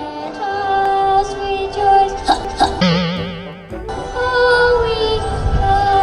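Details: Young boy's hiccups while singing the Australian national anthem before a baseball game: sung anthem over accompaniment broken by two short, abrupt catches.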